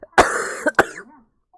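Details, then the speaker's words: Two or three harsh, forceful coughs in quick succession from a girl with a bad cold and sore throat: cough. "감기가 아주 세게 걸려가지고 기침소리 많이 드리고요"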